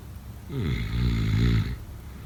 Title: #snoring #sleepnoises #sleepsounds #snoringasmr #snoringsounds #snoringsleepingsoundeffect